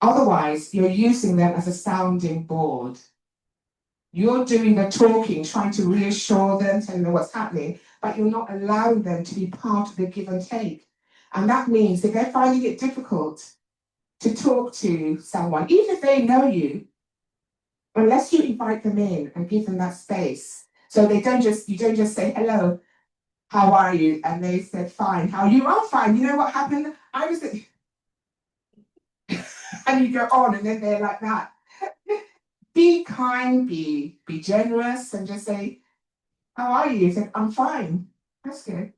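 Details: Talk by an adult woman, an actor and writer, who says she has a stammer; stuttering.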